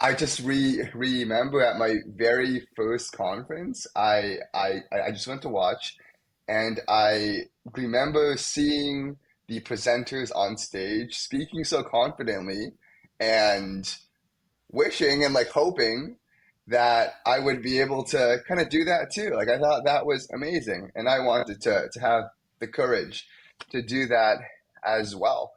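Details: Young adult male first-year medical student who has stuttered most of his life, with blocks, especially on his name, and sound repetitions; had speech therapy and uses fluency targets only at times; stuttering.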